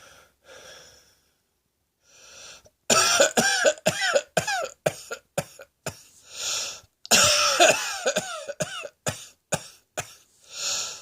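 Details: Two bouts of sharp, repeated coughing with brief breaths between bursts.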